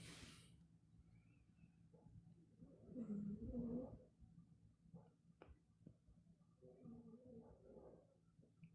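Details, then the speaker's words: A cat snores loudly in the background during a live stream; cat snoring. "you guys hear the cat snoring? Cat's snoring pretty loud."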